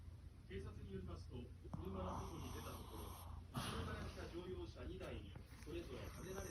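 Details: Sleeping 1-year-old male Shih Tzu snoring: continuous low snuffling, snorting breaths, with some background noise.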